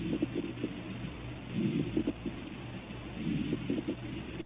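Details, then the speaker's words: Simulated lung sounds from a clinical case in an AI medical-education OSCE simulation: muffled breath sounds with clusters of brief popping crackles in each breath. "So you can actually hear those crackles."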